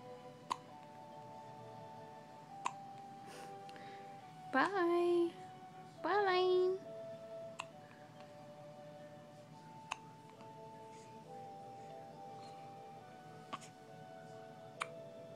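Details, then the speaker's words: Two short, sharp voiced hiccups over quiet background music with small clicks. "Uh-oh. Darn hiccups."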